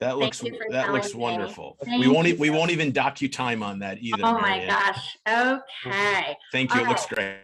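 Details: Adult speaker, possibly with a brief reply from a second adult; typical speech.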